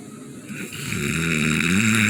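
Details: Loud, rising, rattling snore on a single inhaled breath: snoring.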